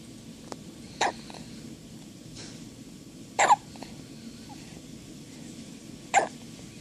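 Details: Newborn baby, half a day old, with hiccups: three brief, sharp hiccups several seconds apart over quiet room noise.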